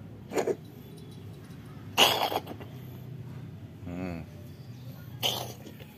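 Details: Cat coughing and described as having a cold: three short, harsh cough-like bursts plus a brief soft vocal sound, over low room noise.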